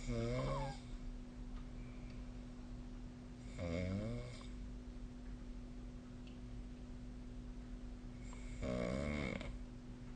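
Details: Snoring of a sleeper, recorded on 2025/05/28.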